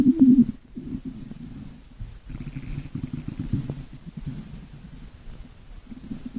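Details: Stomach growling: low gurgling rumbles rising and fading over several seconds, ordinary borborygmi from gas and fluid moving through the gut.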